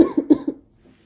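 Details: Four short, voiced coughs in quick succession from an adult woman on about day two of a severe acute illness with lost voice, awaiting test results.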